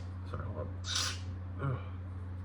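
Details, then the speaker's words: One short, light cough from an adult who is sick, with faint breath sounds and a steady low room hum. "I have a little bit of a cough too. Sorry. That sounded fake. It was not."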